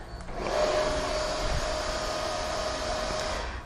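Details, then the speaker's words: Philips V60 BiPAP/CPAP machine: the patient circuit is disconnected to activate standby, giving a steady loud rush of air with a faint whistle; BiPAP airflow on disconnection. "So you would need to disconnect it."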